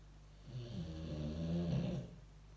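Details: Boxer dog sleeping after a good day's work: a single loud, rattling, low-pitched snore, no sound effects added.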